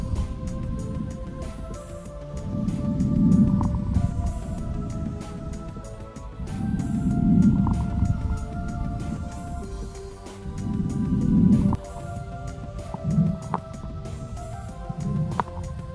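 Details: Fine crackles of the lungs, played through a stethoscope sound speaker: slow breaths with many tiny crisp, velcro-like crackles.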